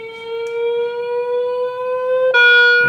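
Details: Manual defibrillator demo with external paddles kept in their slots, charge pressed on the paddles during a test: steady electronic tone slowly rising in pitch, then a louder steady tone, charging then ready to shock.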